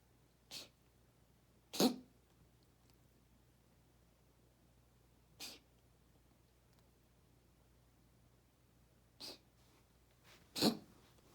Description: This video is so the vet can see our cat reverse sneezing.